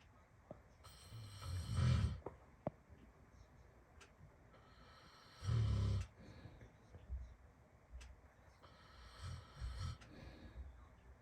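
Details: Snoring from the father, deep rumbling snores on inhalation roughly every four seconds, recorded over steady heavy rain noise.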